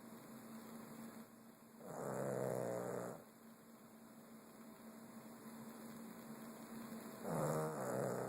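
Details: Two loud, rough, rattling breaths about five seconds apart over a steady background hum. Snoring.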